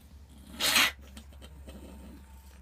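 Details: Cat coughing, recorded when first brought home: a single short, harsh, airy cough burst, then quiet room noise.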